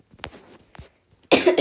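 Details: Coughing after swallowing water: two short cough bursts, a pause, then a longer harsh cough.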